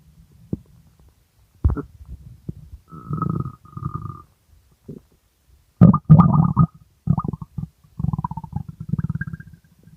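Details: Extremely hungry stomach growling: loud gurgling, rumbling and squeaky bubbling bursts with quiet between them; active normal bowel sounds (borborygmi).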